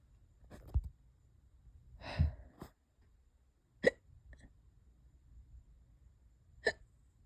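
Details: Persistent hiccups (singultus) lasting hours and getting worse: sharp, abrupt hiccups every couple of seconds, about five in seven seconds, with a quiet room between them.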